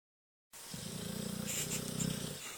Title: American bulldog snoring